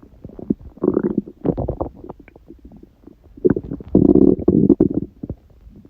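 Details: Stomach growling (borborygmi) recorded at 1:30 a.m. after overeating udon at 19:30, the first gluten in a while: loud, bubbling gurgles and rumbles from the belly in irregular bursts.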